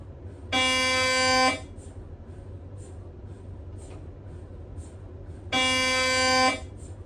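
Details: Two loud, steady buzzing tones about a second long each, separated by soft ticking: Siemens Magnetom MRI scanner gradient noise during an imaging sequence.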